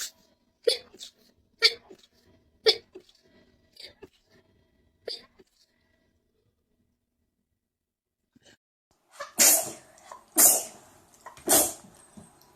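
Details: Run of sharp explosive sneezes, several quick ones then three loud bursts after a pause; rapid repeated sneezing.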